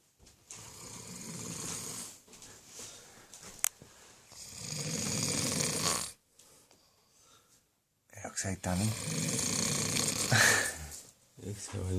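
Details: Loud, rough, rattling snoring breaths in long noisy bursts with pauses between them.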